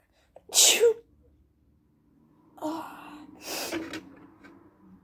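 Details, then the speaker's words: A single sharp, wet sneeze with a few breathy after-sounds, from someone home from school with a really bad cold that cold medicine isn't helping; sneezing. "So I can actually feel a sneeze coming right now."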